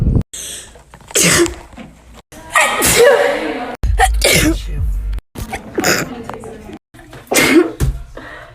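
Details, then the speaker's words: Sneezes from several different people in a compilation: sharp bursts, each with a quick intake before the explosive release, with brief talk and sound cuts between them. "I'm gonna try to sneeze with my eyes open. Okay, that was weird, and I kind of want to do it again. Sorry, I sneezed a little there."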